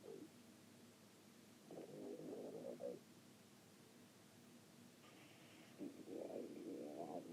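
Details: Ordinary stomach growling (borborygmi): two soft, low, warbling gurgles against steady background hiss.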